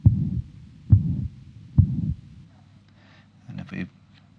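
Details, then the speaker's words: Young man with mitral valve prolapse, stethoscope at the apex: three heartbeats, each first sound followed after a small gap by a long blowing nearly holosystolic murmur; pansystolic murmur of mitral regurgitation. "there's an easily heard um mitro pan systolic murma which is nearly holos systolic I it nearly goes right through assistly but there is a small gap between the first heart sound and the onset of the murmur"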